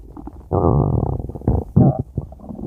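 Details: Ordinary stomach growling: low gurgling, rumbling growls from the belly.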